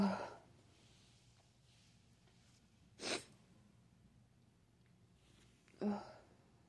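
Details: Three sharp sneezes about three seconds apart in a quiet room; repeated sneezing while sick with a cold.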